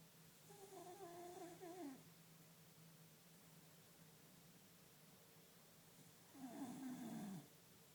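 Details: Sleeping and snoring: two drawn-out, buzzy, tonal snores about five seconds apart in a quiet room, steady low hum behind.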